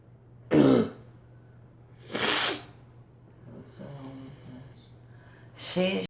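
Three coughs and a throat clearing over steady room hum, with a faint voice in between.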